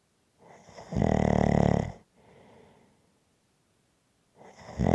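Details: Relaxing ASMR snoring recording: a loud, low rattling snore on the breath in, then a softer breath out and a pause before the next breath; snoring.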